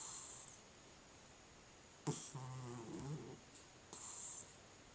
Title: Cat Snoring